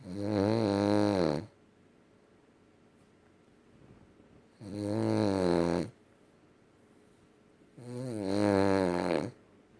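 Three loud, rattling, low-pitched snores at regular intervals with quiet pauses between them, roughly 18 breaths a minute; ordinary snoring in a sleeping dog.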